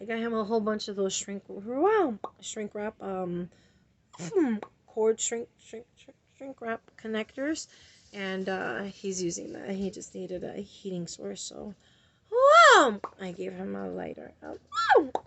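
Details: Woman with a tic disorder whose vocal tics come in different tones, can become prolonged screaming, and leave her throat sore and hoarse; involuntary interjected vocal tics; vocal tics.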